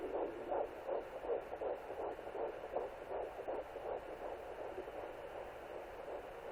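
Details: Fetal heartbeat at 11 weeks 0 days of pregnancy on a Sonoline B pocket fetal Doppler: fast, regular whooshing pulses over a steady hiss, about 160 beats per minute.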